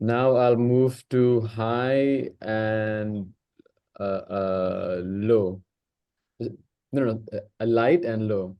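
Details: Man hosting a stammering practice circle, himself a person who stammers, in natural speech before a voluntary stammering demonstration; audible word repetitions; stuttering.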